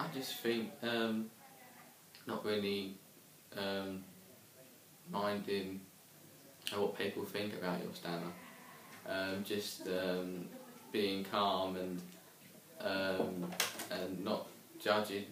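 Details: Young man who stammers and attended an intensive group therapy course for stammering; stammering.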